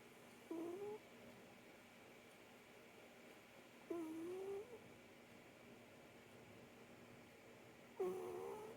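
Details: Pet snoring: soft, high whistling sounds on three breaths, about 16 a minute, over quiet room noise; light snoring in a sleeping pet.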